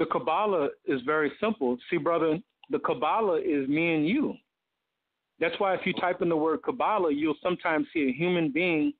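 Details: Adult male speaker; normal speech.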